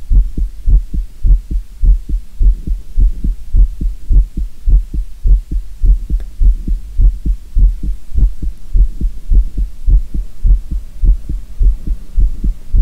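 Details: Deep, regular lub-dub thumps at roughly 105 beats a minute under a low hum, recorded as the uploader's own real heartbeat; steady, somewhat fast normal heartbeat.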